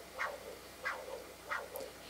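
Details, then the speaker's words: Pulsed wave Doppler on a GE Logiq e portable ultrasound machine, with angle correction and auto calculation of peak systolic and end diastolic values: soft rhythmic whooshing pulses, about three in two seconds, from blood flow. "I'll go back to B mode let my MD cursor get my angle now I'll go into pulse wave Doppler I have the auto calculation set you can see that it's following along there"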